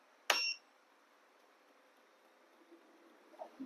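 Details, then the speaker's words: Evox 5S 5 LPM oxygen concentrator powering on: a single short high beep, then quiet room. "Now you can see the oxygen concentrator is on."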